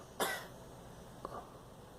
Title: Girl coughing